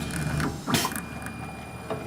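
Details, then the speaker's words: Prototype open-source 3D-printed low-cost mechanical ventilator with stepper motor pushing a bag, optical sensor resetting zero position; mechanical grinding, clicking and low motor hum: ventilator motor movement. "the proper way would be to make sure the stepper doesn't lose any steps and it's it has the right power to do push the damn bag"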